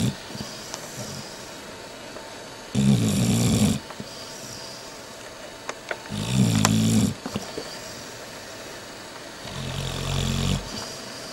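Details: Person snoring: deep, rumbling, rattling snores about 16 times a minute, separated by quiet breathing over steady room noise; snoring.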